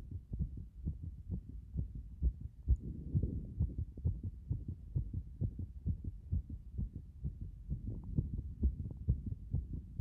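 Fast, regular, strong pounding heartbeat around 130 a minute; forceful beating after a hot bath.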